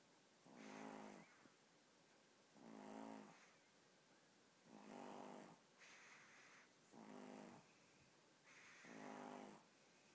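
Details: 15-week-old puppy fast asleep snores in steady, rumbling bursts, about 30 breaths a minute: ordinary sleep snoring.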